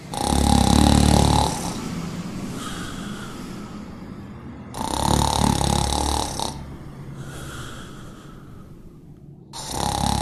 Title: How my dog reacts when she’s angry# trying to sleep but in vain# snoring noise#dopamine